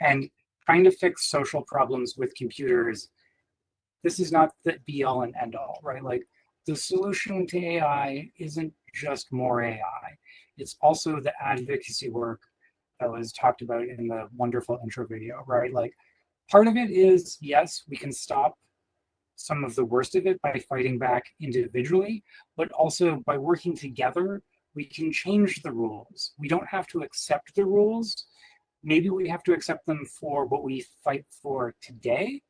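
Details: Adult speaker; typical speech.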